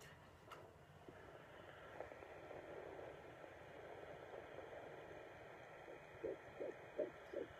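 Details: Fetal heartbeat on home Doppler at about 10–11 weeks of pregnancy, mother keeping still: whooshing hiss, then quick rhythmic pulses near 160 a minute.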